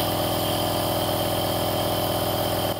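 Steady motor hum with rhythmic buzzing vibration, the sound of a nebulizer compressor running in an acted sketch.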